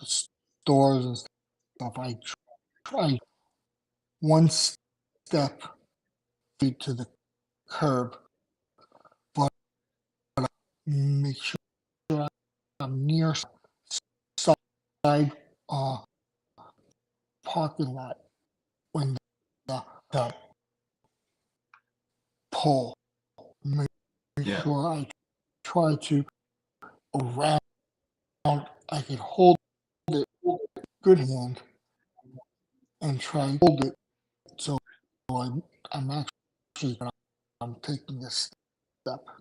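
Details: Adult male with aphasia after two strokes in November 2017; short-term memory problems, right-sided weakness, unusable numb right hand, ten seizures since; aphasia after stroke.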